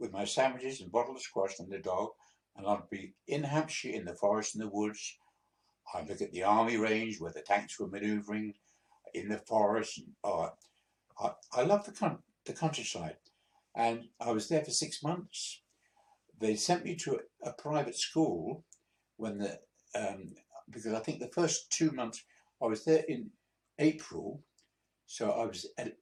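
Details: 82-year-old man, a few months after a mini stroke, with speech he says is still sometimes difficult: hesitant speech with word repetitions after the mini stroke.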